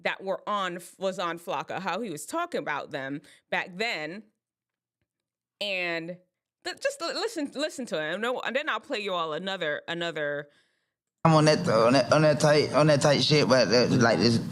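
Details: Adult speaker; normal speech.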